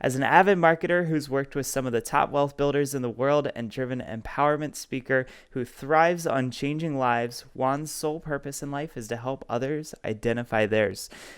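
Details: Adult male speaker; normal speech.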